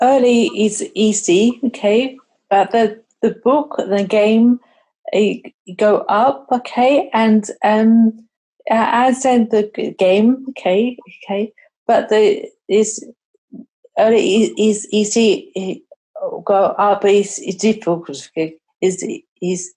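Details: Adult woman with aphasia, a trial participant in a game-based digital therapy to rebuild number skills; aphasia.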